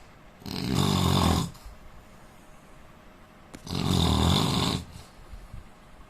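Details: Two loud, deep, vibrating snores about three seconds apart, each roughly a second long, from an Indian man; ordinary heavy snoring.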